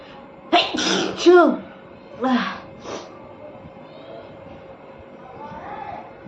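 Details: Woman induces sneezing by tickling her nose with paper, giving three to four forceful voiced sneezes in quick succession, then quiet breathing; her nose turns red after repeated sneezing.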